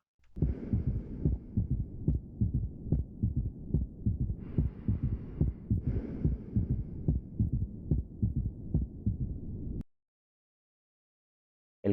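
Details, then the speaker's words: Third heart sound (S3 gallop): regular heartbeat near 72/min with a galloping three-sound rhythm, the extra sound immediately after the second sound; teaching example linked to ischemic diastolic dysfunction and acute myocardial infarction. "aquí podremos escuchar el tercer ruido que se escucha como un galope es decir los tres ruidos en uno inmediatamente después del"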